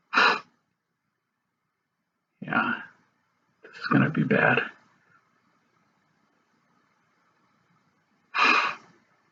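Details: Adult male sneezing fit after sniffing sneezing powder into both nostrils: four sharp sneezes with quiet gaps, some stifled and partly held back, others full and forceful.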